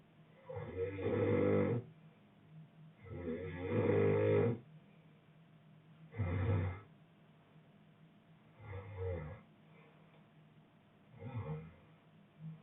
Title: boyfriend snoring